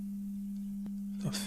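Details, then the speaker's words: Steady soft 400 Hz pure tone near the hearing threshold in an uncalibrated online hearing-test demo over headphones, with the level stepped up and down to find the threshold; the listener can still hear it. "but you can just go up and down up and down see where you can just uh hear the tone H 400 HZ yeah I can still hear there"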